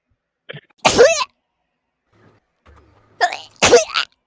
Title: Sneezing problems